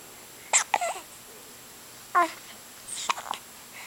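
About four brief, sharp, squeaky gasps at irregular intervals in a quiet room, typical of hiccups.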